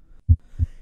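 Two short, low heart thumps in under a second, the later one slightly softer; a normal second heart sound from valve closure.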